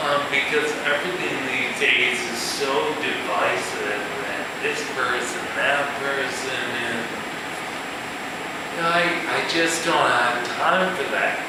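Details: Male musician with ataxia, a progressive neurological disorder in which cerebellar cells die, affecting his balance and speech; real ataxic dysarthria.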